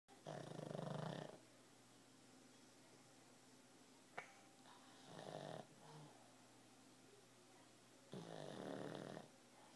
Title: Pug snore